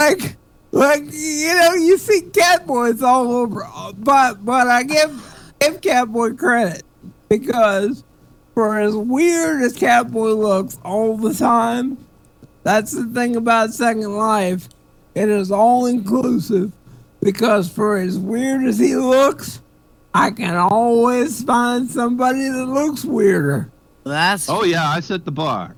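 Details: Adult male stand-up comedian with cerebral palsy; real dysarthria due to cerebral palsy.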